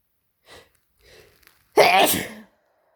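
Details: Person with a cold and sore throat from frequent sneezing: two soft in-breaths followed by one loud, explosive sneeze.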